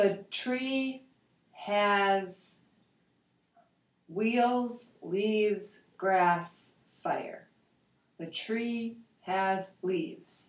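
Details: 72-year-old man with aphasia after a stroke in July 2003, with bilateral sensorineural hearing loss, doing a picture description in Western Aphasia Battery-Revised testing; word-retrieval difficulty; aphasia.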